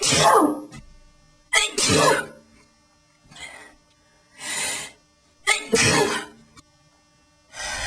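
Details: A rapid run of about six sharp sneezes within eight seconds, each a quick breath in then a forceful burst; a sneezing fit set off by tweezing the eyebrows.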